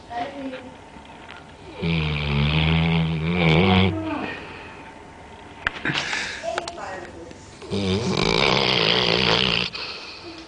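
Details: Sleeping pet dog with two long, loud, rattling snores on inhalation and a quieter breath between; ordinary snoring.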